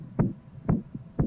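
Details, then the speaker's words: Simulated Korotkoff sounds on a Ventriloscope stethoscope simulator: regular low thumps started as the standard cuff needle hits 242 and stopped at 146, imitating 242/146 mmHg high blood pressure on a normotensive standardized patient during cuff deflation. "as the needle hits 242 we'll start the Croco sounds button B1"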